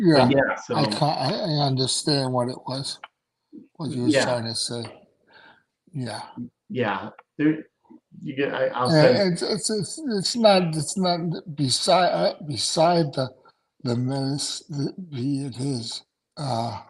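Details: Adult male stroke survivor with aphasia after two strokes in November 2017; right-sided weakness, unusable numb right hand, short-term memory problems, 10 seizures since stroke; finding: aphasia.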